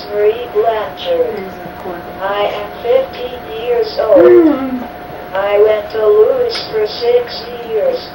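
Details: 15-year-old young woman with cerebral palsy affecting all her muscles, including mouth and eye muscles: dysarthria.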